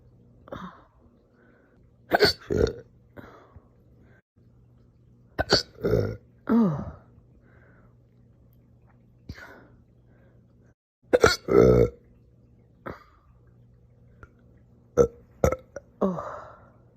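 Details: Person with hiccups after eating cereal very fast, hiccupping again: about a dozen short, abrupt hiccup sounds with a faint gulping catch, over a steady low hum.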